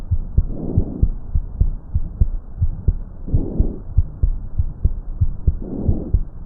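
Soft, low rustling breaths about every 2.5 seconds with heartbeats thumping underneath; normal vesicular breath sounds.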